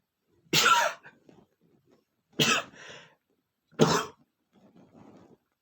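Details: Male sneezing attack: three sharp, explosive sneezes in quick succession, each followed by a short breathy aftersound; a sneezing fit.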